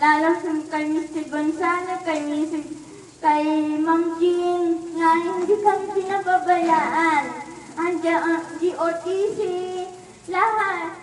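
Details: Girl with cerebral palsy speaking Filipino. Dysarthria in cerebral palsy.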